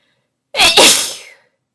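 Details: Induced sneeze: a single sharp, explosive sneeze with a brief intake and a loud hissing burst that trails off.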